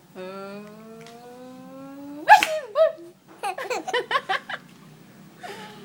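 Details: A rising, drawn-out build-up ending in a loud sneeze from a grandmother, followed by hysterical laughter bursts from a 3-month-old baby boy; sneezing.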